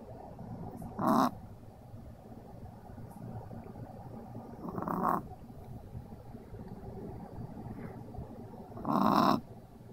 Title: Pixel the snoring dog